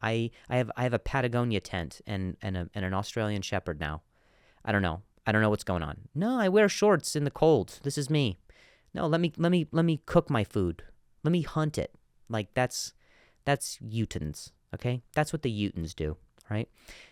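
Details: Stuttering in an adult male comedian, with word and phrase repetitions.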